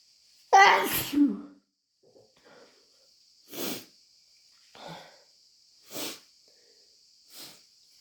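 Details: One loud wet sneeze followed by four softer sneezes over a faint steady tone; a bout of repeated wet sneezing.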